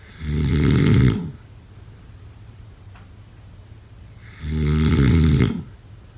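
Two loud, low, rattling snores on breathing in, about four seconds apart, with quiet breathing between: snoring.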